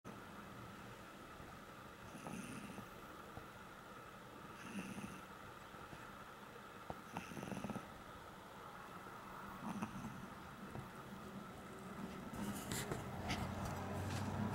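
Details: Sleeping pug in deep sleep: soft, repeated snoring breaths about every two and a half seconds over steady background hum; snoring.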